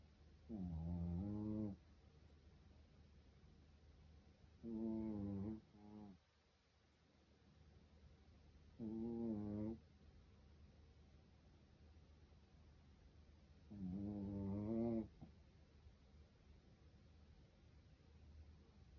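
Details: A sleeping Japanese Chin dog, lying on its right side, snores in tonal, whistling bursts at roughly 14 breaths a minute.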